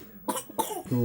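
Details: Child with a sore throat coughing: two short, dry coughs, then a brief voiced sound.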